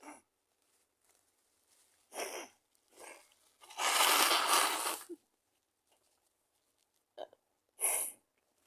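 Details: Sneezing with a cold: several short sniffs and catches, then one long forceful sneeze lasting over a second, followed by brief sniffs.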